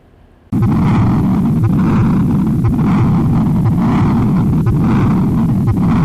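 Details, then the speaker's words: Continuous machinery murmur of patent ductus arteriosus in congenital heart disease: a loud, unbroken rumbling roar that starts in systole and runs through diastole without pause, best heard at the left upper sternal border. "And the PDA, you already listened this before. I'll explain one more time. Is continuous machinery murmur. Murmur start with systolic and runs through the diastolic phase."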